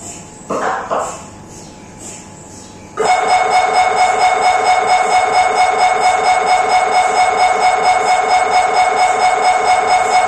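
After a few quiet seconds a loud, steady, rapid buzzing drone with a rhythmic beat starts, the typical noise of an MRI scanner running a sequence.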